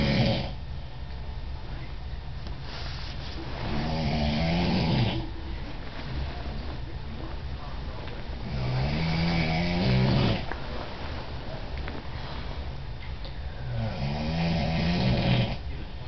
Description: This is my dad snoring, it was shot in Washington D.C.